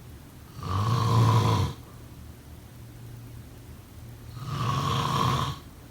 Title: Snoring sound…